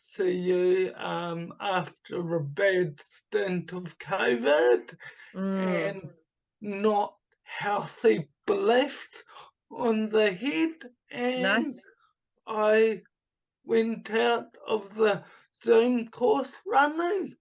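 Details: Adult man with cerebral palsy from oxygen starvation at birth, affecting his right hand and speech; speech has improved markedly but is not back to normal; he also recovered from chronic fatigue syndrome and chronic pain; dysarthria (cerebral palsy).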